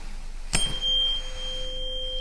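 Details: A tap, then a steady pure ringing tone that fades slowly: a tuning fork struck for a Rinne hearing test in an acted ear-exam role-play.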